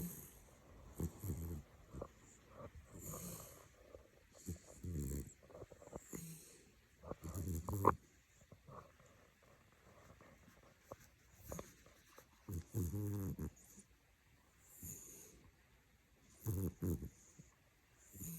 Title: Sleeping Swine Softly Snores || ViralHog